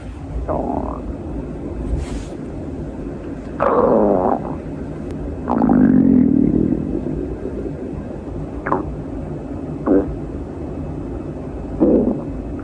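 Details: Hungry girl's stomach growling, from a compilation: several gurgling, rumbling growls of varying length over a faint background hiss, ordinary hunger borborygmi.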